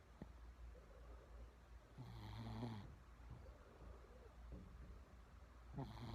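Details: Female shih tzu born December 2009 snoring: quiet, low rumbling breaths with soft snorts in a quiet room.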